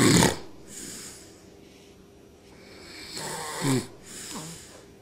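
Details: Several snorting, breathy snores, some with a short squeaky whistle, from a father and his infant daughter sleeping together in a quiet room; ordinary snoring from two sleepers.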